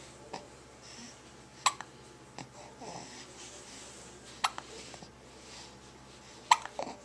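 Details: Hiccups recorded on a Flip Video camera: sharp, brief, jerky catches of breath every few seconds over quiet room noise, three clear ones in seven seconds.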